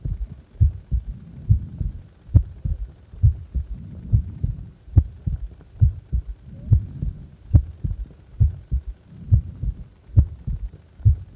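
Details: Resting heart recorded while doing nothing, from a 10-minute recording: steady, regular lub-dub heartbeats at about 68 beats a minute, a normal resting rhythm.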